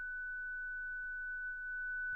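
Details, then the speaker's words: Steady, unbroken high-pitched tone as a ZOLL Zenix hospital defibrillator/monitor charges during its daily 30-joule self-test through the test port, with the shock button lit; defibrillator charged tone. "Vérifiez que Zinix se charge, qu'un son continue retenti et que le bouton choc s'allume."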